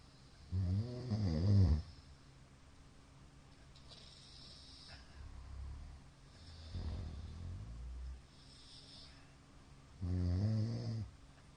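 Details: A middle-aged man snoring in sleep: loud, rattling snores alternating with long quiet stretches of faint, shallow breathing. The count of shallow hypopneas suggests sleep apnea.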